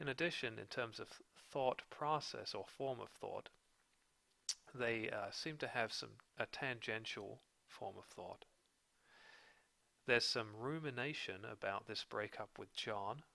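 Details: Adult male speaker; normal speech.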